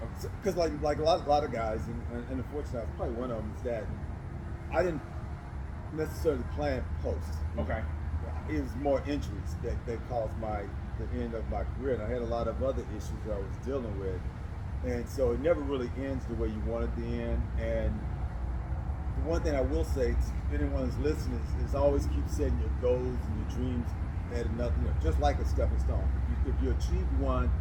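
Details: Adult man who does public speaking and says he stutters; stuttering.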